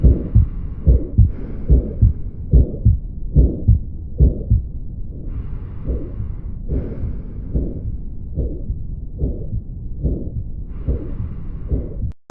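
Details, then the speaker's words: Calcific aortic stenosis from calcium build-up on the aortic valve: regular heartbeat near 72 a minute with a harsh rushing murmur between beats. "ये जो condition जो calcium build up होता है इसको यहां पे award टिक stenosis की condition है इसके अंदर जो आवाज आई है जो हार्ट साउंड है वो कुछ इस तरह सुने पड़ता है"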